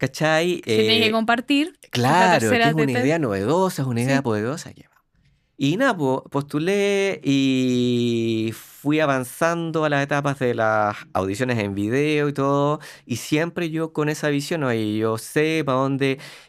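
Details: Adult man who lives with stuttering, speaking Spanish; stuttering.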